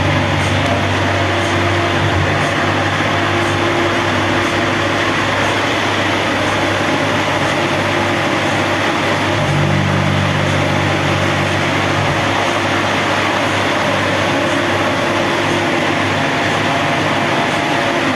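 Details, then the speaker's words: Older-generation helium superconducting MRI magnet on life support during transport: steady loud mechanical hum with faint rhythmic pulsing from the helium compressor and cold head cooling the magnet. "You can hear the um going that is to compress and to cool down the magnet."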